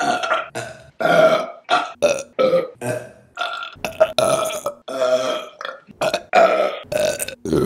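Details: Compilation of a woman's burps: a rapid run of loud, drawn-out belches, one after another with brief gaps; repeated burping.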